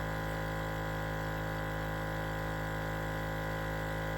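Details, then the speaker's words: Steady droning motor hum of a suction machine during a student nurse's nasopharyngeal suctioning demonstration, catheter inserted 5 to 6 inches with intermittent suction; suction machine running. "Alright, and then as we take it out, we're going to intermittently apply suction and try to twist. We're going to want to clean the suction device in our little basin."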